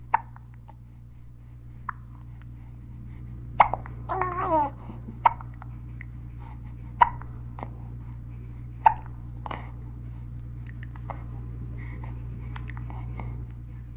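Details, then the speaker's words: Short, sharp infant hiccups at a steady pace of about 35 a minute with a brief coo between them; the infant seems untroubled, from a 1967 recording of baby sounds: normal infant hiccups. "hiccuping 20 to 40 times a minute, their bodies shaken with each spasm. They don't seem to be bothered at all."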